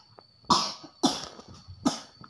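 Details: Child repeatedly coughing while reciting Quran (learning to recite surah Al-Fatihah and Al-Falaq): three sharp, dry coughs in close succession over a steady electronic hum.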